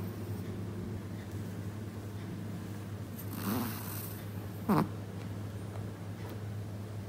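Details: Dog in deep sleep: two brief nasal snorting snores over a low steady room hum; loud snoring.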